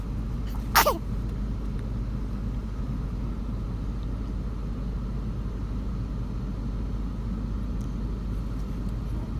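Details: Baby's single quick, high little sneeze over the steady low rumble of a moving car.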